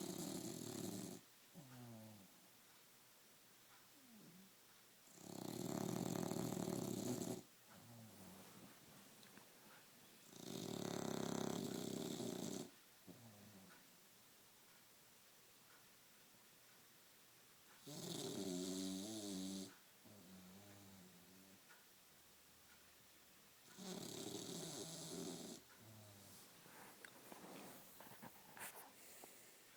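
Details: Sleeping English Bulldog snoring loudly and rhythmically, with harsh rattling breaths about every five to six seconds.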